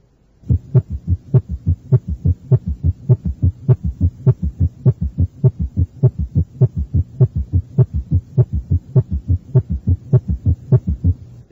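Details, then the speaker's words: Summation gallop recorded at the cardiac apex (teaching example 9): fast, regular heart sounds about 100 a minute, with normal first and second sounds and a low extra sound merging in diastole; a summation gallop requires a rapid heart rate. "encuentra un ruido de suma o galope de suma para esto se requiere una frecuencia cardíaca rápida"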